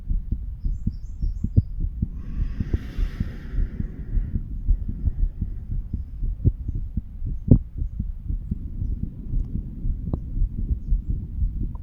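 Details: Stethoscope chest auscultation of a 35-year-old man moving over mitral, tricuspid, pulmonary and aortic areas: steady low lub-dub heartbeats with a brief rubbing scratch and faint chirps early on; normal heart sounds.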